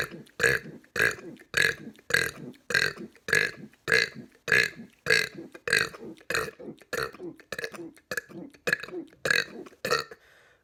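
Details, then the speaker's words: Deliberate repeated belching during a 200-burp challenge: a steady run of about seventeen short, voiced burps in ten seconds, one after another. "today we're gonna be doing 200 verbs they're not gonna be mega burps but they're still"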